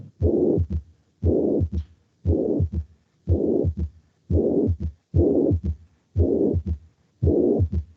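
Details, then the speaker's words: Classroom lecture example of the holosystolic murmur of mitral regurgitation: a regular heartbeat near 58 a minute with a long blowing murmur spanning all of systole, from the first to the second heart sound. "plos de insuficiencia mitral ocurren primer ruidos el cardiaco segundos río cardíaco durante la sístole ocurren durante toda la sístole"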